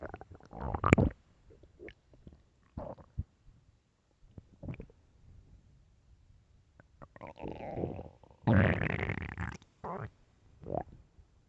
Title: LOUD stomach growls (headphones 🎧)